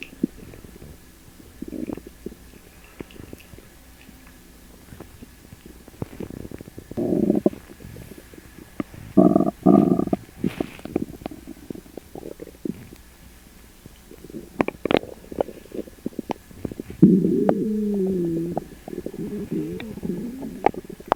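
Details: Upset stomach after eating sugar-free gummies: loud gurgling, bubbling and drawn-out groaning rumbles coming in bursts; borborygmi.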